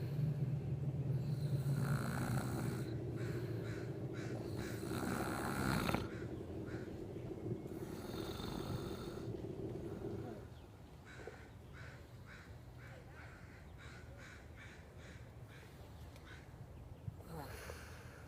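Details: Man (boyfriend) asleep: low rattling snores with noisy breaths over steady room noise, fading to quieter breathing; snoring.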